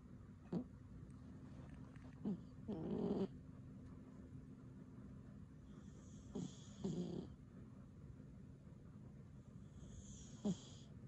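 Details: A pet cat snoring during sleep, unusually loud that day: low rumbling snores with short snorting bursts over a steady background hum; ordinary snoring in a sleeping cat.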